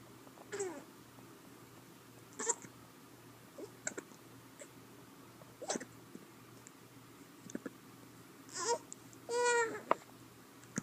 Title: hiccups